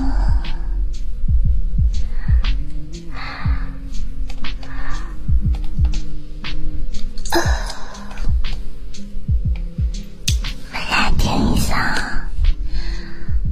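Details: Heartbeat played for ASMR during a livestream, counted at 81 beats in one minute: a steady, low thumping under a constant hum with occasional rustling.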